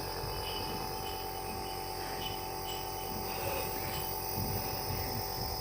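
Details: Steady mechanical hum and hiss of a compressor nebulizer, prescribed by a doctor for a young boy's cough and cold and switched on and off by the child, running with faint background sounds.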